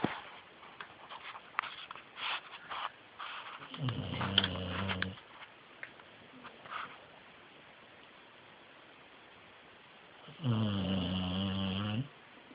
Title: snoring